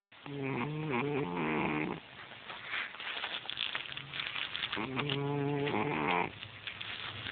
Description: this is my cat tom snoozing away... how many cats do you know that snore lol